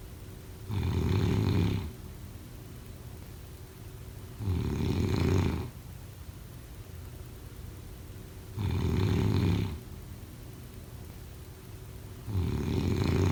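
Steady, deep, rumbling snores about every four seconds, near 15 a minute, over a constant background hiss.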